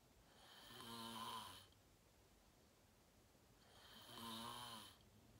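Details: Self-recorded sleep video, fell asleep at 8:45 in deep REM sleep, tagged sleep apnea: two loud rattling inspiratory snores with quiet breathing between; snoring during sleep.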